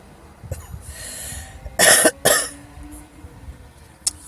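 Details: Irritant cough from an adult woman smoker of 38 years inhaling a Black & Mild cigar for the first time: two harsh, forceful coughs in quick succession, then a faint throat sound.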